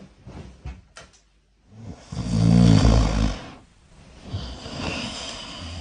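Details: Person snoring loudly while asleep, heard in a demonstration of a DIY Arduino anti-snoring system: a harsh, rattling snore on the in-breath with quieter breathing around it.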